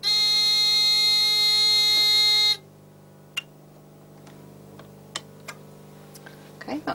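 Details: Therapeutic ultrasound unit tone during physiotherapy ultrasound treatment to a patient's knee, pulsed 1:4 for five minutes: a loud steady electronic tone for about two and a half seconds, then quiet room with small clicks.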